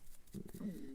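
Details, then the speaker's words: Adult's stomach rumbling after lunch: low gurgling rumble rising into a drawn-out, slightly whining tone in a quiet room: borborygmi. "my stomach rumbling if you can hear it i've had lunch i don't know why it's doing that"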